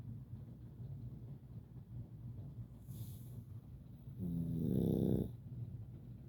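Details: Sleeping Boston terrier dog snoring: quiet snuffling breaths, then a louder rattling snore.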